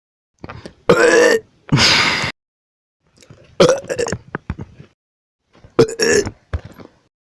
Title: burps compilation 2 SO MANY BURPS